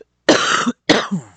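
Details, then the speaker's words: Two short, harsh coughs in a quiet room from a podcast host troubled by coughing and hiccups while speaking. "good grief between hiccups and coughing I'm G to get through this"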